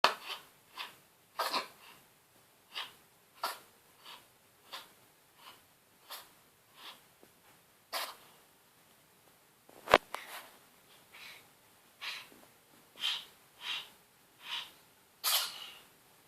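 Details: Cat with a cold lasting a few days, since recovered: a run of about twenty short, sharp sneezes roughly every half second, in a quiet small room; sneezing.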